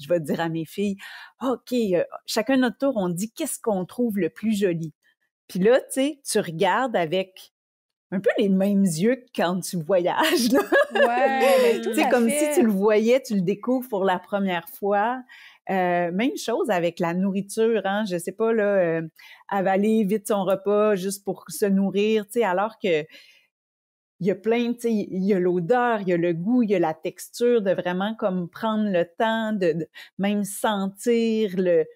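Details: Adult woman speaking French; typical speech.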